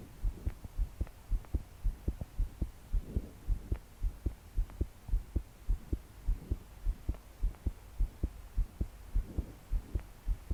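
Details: 22-year-old woman's strong, rapid thumping heartbeat, about 107 per minute, with slow breaths while trying to calm down to sleep; deep breaths didn't help; body shaking with each beat; heavy rain behind; forceful palpitations.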